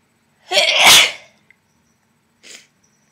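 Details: One sharp, hissy, wet sneeze, then a faint sniff; wet sneezing.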